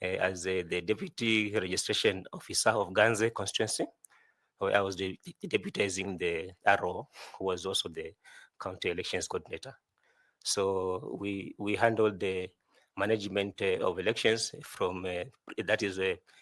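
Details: 41-year-old adult male job candidate who says he stammers a lot; repeated words heard while he answers an interview question; stuttering.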